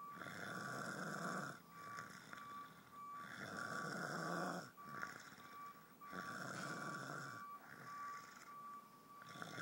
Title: Snoring man who doesn't snore (??)